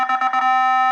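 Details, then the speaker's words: A quick warbling tone settling into a steady loud beep as a Nihon Kohden biphasic defibrillator in manual mode finishes charging to 70 joules during a demonstration; no shock was given. Charge-complete alarm. "ये है हमारा जैसे 70 joule. ठीक है, मैंने इसको कर लिया चार्ज।"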